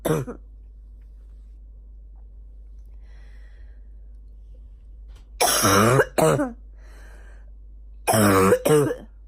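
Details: Female, morning: two short clusters of harsh, voiced coughs with a hoarse, barking quality in a quiet room; barking cough.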